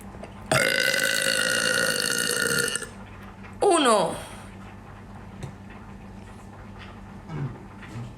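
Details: Deliberate competitive burping match: one long, loud, voiced burp of about two seconds, then a shorter falling belch, quiet room noise between.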